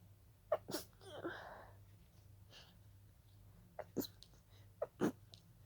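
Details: Stifled sneezing fit that began as a pollen allergy: brief, breathy, held-back sneezes with quick gasps between them over a steady low hum.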